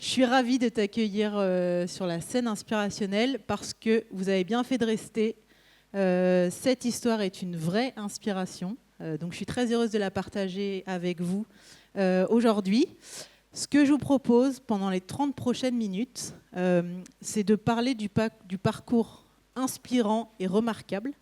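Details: Adult woman; normal voice.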